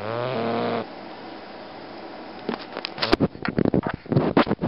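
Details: Bulldog snoring: a droning snore followed by choppy snorting, sputtering breath noises.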